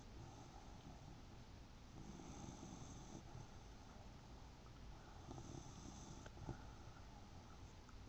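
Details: A son snoring in his sleep: soft, steady, low rumbling breath noise in a quiet room, consistent with light snoring.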